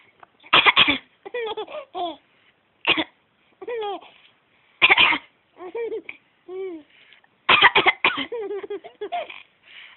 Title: Coughing is funny!